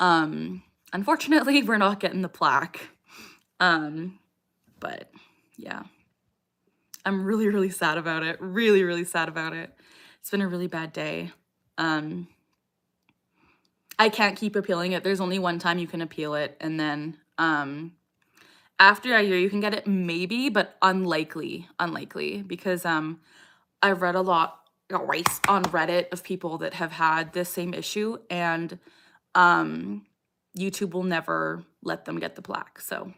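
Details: Woman with Tourette syndrome, diagnosed at age 12 and now 27, producing a repeated vocal tic phrase during a livestream; vocal tic (Tourette syndrome).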